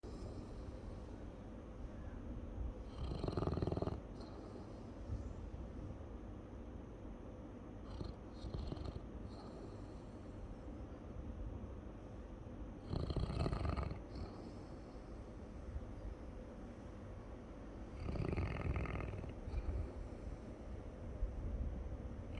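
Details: Snoring from a sleeping Labrador dog: three loud, low, rumbling snores about every seven seconds, roughly eight breaths a minute, with quieter breathing between them.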